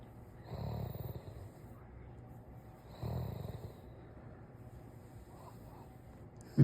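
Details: Sleeping Doberman, eyes rolling back, giving soft, low, rumbling snores on two breaths about 2.5 seconds apart; snoring.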